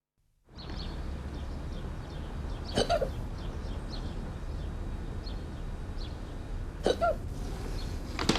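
Two or three short, sharp catching sounds several seconds apart over steady outdoor background noise, consistent with hiccups.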